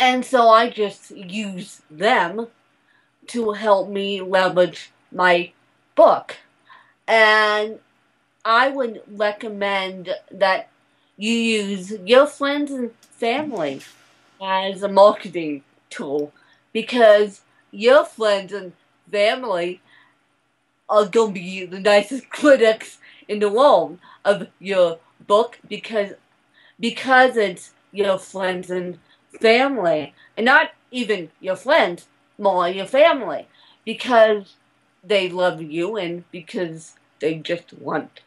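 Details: Adult woman born in 1987 with cerebral palsy from a birth injury, usually lack of oxygen; she reports a slight speech impediment that has improved over the years; the finding is dysarthria.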